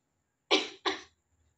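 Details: Simulated voluntary cough by an adult female acting as a patient in a nursing student's return demonstration, coached to cough using abdominal muscles after chest percussion and vibration. Two strong, deliberate cough bursts.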